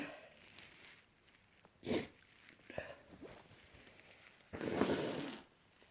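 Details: Person with an itchy cold: several short, explosive sneezes with sniffing between them in a quiet room; sneezing.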